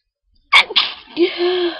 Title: Holdback + Sniffing Pepper + Sneezing.